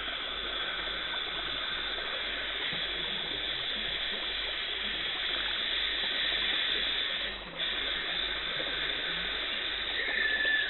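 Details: Dental hygienist cleaning teeth to remove tartar and plaque: steady hissing rush of water spray and suction with a thin high scaler whine throughout, the sound of dental cleaning instruments at work.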